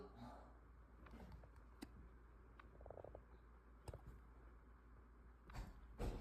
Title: Raccoon hiccups are the cutest thing ever 🥺 #animals #funnymemes #raccoon #funnyimages #funny